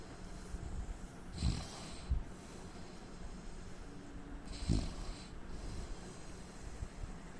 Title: indian man snoring sound